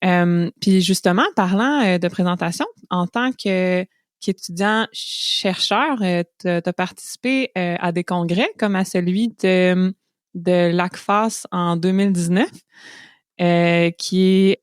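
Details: Adult woman speaking French; normal speech.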